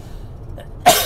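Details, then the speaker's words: Adult man coughing while demonstrating diatomaceous earth dust, which he says makes you cough and gets into your lungs; cough from inhaling the dust. "It does that to you. It makes you cough. It gets into your lungs."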